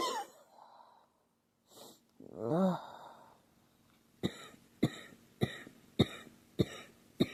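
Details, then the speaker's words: A girl who feels unwell says she keeps coughing hard, and it hurts her throat, chest and nose. There is a harsh cough with a voiced groan, then six short, regular, forceful coughs. "I don't feel good at all I keep coughing hard and it's like hurts my throat my chest hurts my nose"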